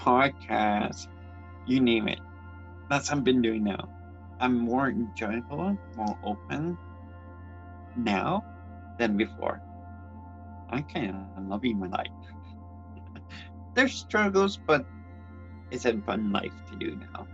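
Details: Speech impairment in an adult transgender woman born with cerebral palsy (congenital), who also reports grammar difficulties and has attended learning-disability support programs.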